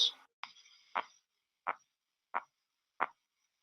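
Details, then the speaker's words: Clear, repetitive tapping sounds with audible murmurs in the taps, heard over the brachial artery during cuff deflation at about 2 mmHg per second: Korotkoff sounds, phase 2. "The onset of phase 1 sounds are equivalent to the systolic blood pressure. Phase 2 sounds are audible murmurs in the tapping"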